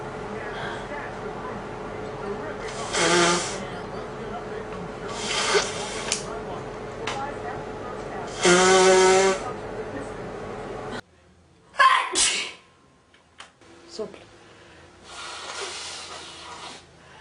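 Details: Man sneezing and blowing his nose: several loud hissing bursts, a couple of sneezes and nose blowing over steady background hum.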